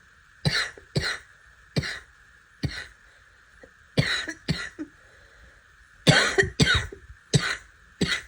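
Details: Barking cough after trying to suppress a cough: about a dozen harsh, forceful coughs in a prolonged, loud fit.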